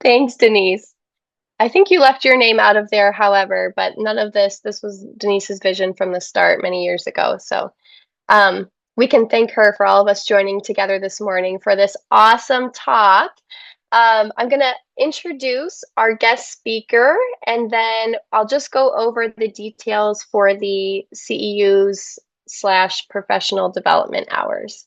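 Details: Adult woman speaking; typical speech.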